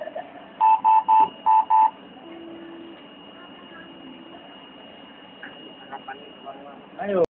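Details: Ventilator alarm: five quick, evenly pitched electronic beeps in a three-then-two pattern.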